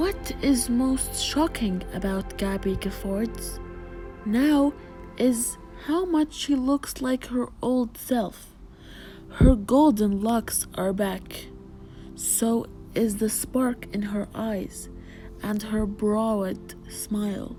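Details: Adult woman narrator; normal speech.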